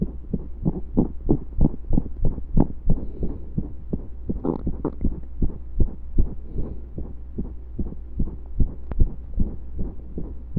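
Heartbeat thumps at roughly 90 a minute with uneven spacing and occasional pauses, skipped beats, over a low steady hum.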